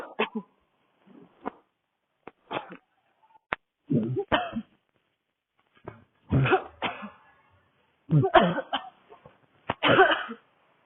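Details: Young woman, sick, having a coughing fit while walking outdoors in cold air on a city street: harsh, dry cough bursts in an irregular fit, some in quick pairs with quiet pauses, a dry barking cough.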